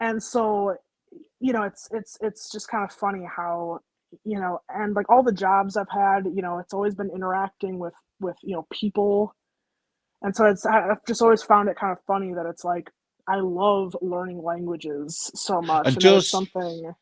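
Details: Woman with a stammer on and off since childhood, with repetitions such as "it's it's it's"; stuttering (stammer).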